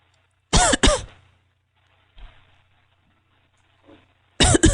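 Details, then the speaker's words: Paired harsh coughs with throat clearing between, heard over a phone line during a comedy podcast call; caller asks if it's an upper respiratory infection; comedic, not a real medical event. "It sounds like you're having a coughing problem. Are you all right? Is this a medical emergency of some sort?"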